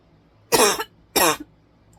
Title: Coughing and Choking